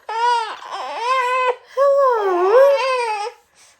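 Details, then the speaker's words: A 14-week-old baby girl with reflux cries loudly in two strong, high-pitched bursts with sustained voicing during tummy time, while her mother tries to calm her; a dummy did not settle her. Infant crying. "What followed was a lot of screaming and a lot of me trying to convince the baby that she's okay."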